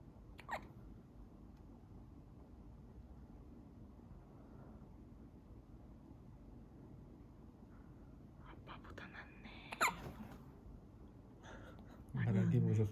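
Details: Five-day-old sleeping newborn baby girl with hiccups: a few soft, abrupt hiccup sounds with quiet room noise between them, then a brief louder vocal sound at the end; infant hiccups.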